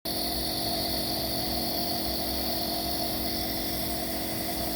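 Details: Steady mechanical hum and whine of a nebulizer compressor running continuously while an infant with cough and runny nose receives steam treatment to loosen phlegm.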